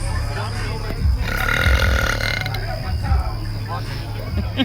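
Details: Woman deliberately burping in public in a Mexican restaurant: a long, deep, rumbling belch with music and voices in the background.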